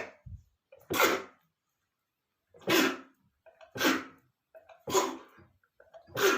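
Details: Adult male sneezing fit after smelling dust under the bed: five forceful sneezes, each preceded by short catching in-breaths; sneezing.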